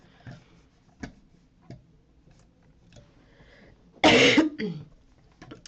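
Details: One loud, harsh cough with a short trailing rasp amid faint room noise, from a female streamer who says she is ill.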